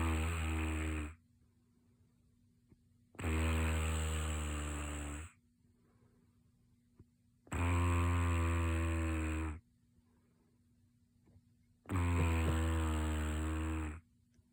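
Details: Two minutes of loud, rumbling snores recurring with each breath in, about 14 a minute, separated by quiet exhalations, from a person who denies snoring.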